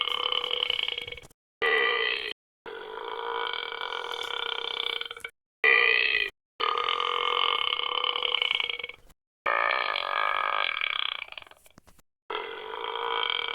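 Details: Sound-effect burping from an animation toolkit: a series of long, loud, croaking belches separated by brief silences.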